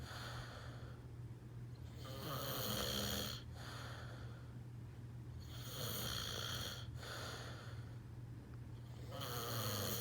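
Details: Father snoring near his unborn baby: loud, rough snores recurring about every three and a half seconds, roughly 17 a minute, over a steady low hum.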